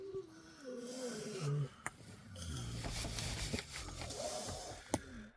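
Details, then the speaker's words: Low rumbling snores and snorts from Kunekune pigs sleeping bundled up in their shelter during snowy, icy winter weather, with scuffling and outdoor noise; ordinary snoring. "This is pretty much exactly where they're staying right now. I think you can hear them snoring in there."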